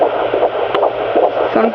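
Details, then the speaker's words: Fetal heartbeat at 17 weeks 4 days on a pocket fetal Doppler: rapid, regular whooshing pulses at about 150 beats per minute, found after searching because the baby keeps moving. "17 weeks and 4 days baby heartbeat little booger keeps on moving there we go there it is"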